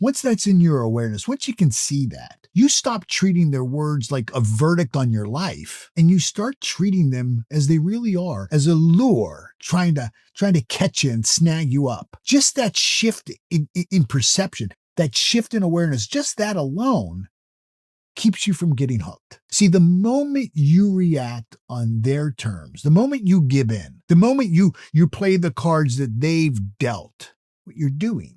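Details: Adult male motivational speaker who self-reports stuttering or stammering; natural speech with word repetitions; finding: stuttering.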